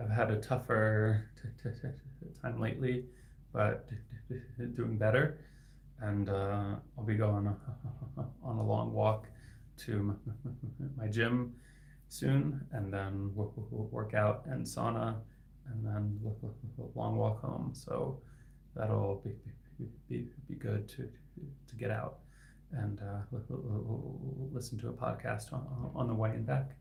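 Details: Adult man who stutters and is a licensed speech-language pathologist; his stuttering is inconsistent, with words sometimes stuck for seconds; finding: stuttering.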